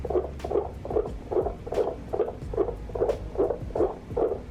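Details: Third-trimester fetal heartbeat heard through a Babytone fetal Doppler: fast, steady whooshing pulses at about 146 beats a minute.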